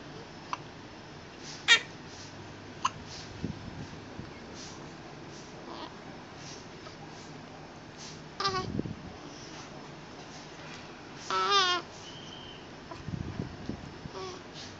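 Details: Hiccups: several brief, abrupt, squeaky jerks spaced irregularly over quiet room noise, possibly from a small animal.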